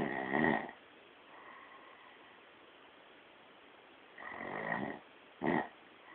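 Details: Three short, rattling, nasal snores during sleep over a hissy, low-quality background; snoring.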